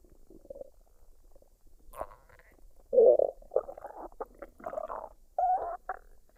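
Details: Woman's abdomen after a meal of fried rice and duck, unedited: irregular gurgles and bubbling rumbles of digestion; normal bowel sounds.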